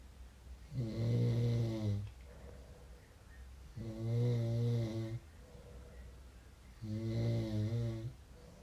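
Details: Person snoring: three loud, rumbling in-breath snores evenly spaced about 20 a minute, with quiet out-breaths between; ordinary snoring.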